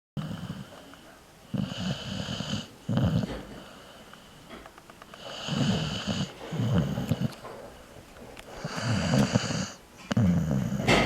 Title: He snore